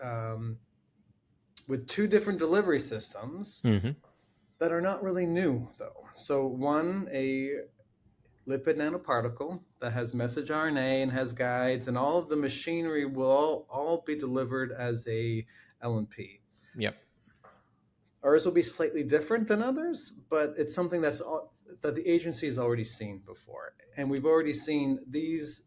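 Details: Adult man with a lifelong stutter that runs in his family; long blocks and repeated words are heard. Finding: stuttering.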